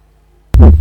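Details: Fourth heart sound (S4) heard on auscultation of the back.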